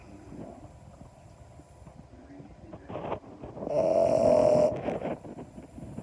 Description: Listen to This! Our cute snoring French Bulldog Puppy Bakari does not like to be disturbed when he is having a nap!